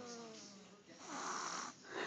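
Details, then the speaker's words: Young child asleep on his father after a delayed nap, snoring as he does every day: a single loud, rough snoring breath following a quiet breath; snoring. "this is n we waited a little too long to take his nap so he fell asleep on Daddy this is what he sounds like every day he just snores really"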